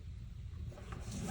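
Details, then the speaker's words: Stomach growling (borborygmi) during a seated tarot reading, a loud, low, rolling abdominal gurgling rumble, recurring ("there goes my stomach again"). "yeah oh there goes my stomach again can you hear it that was a loud one"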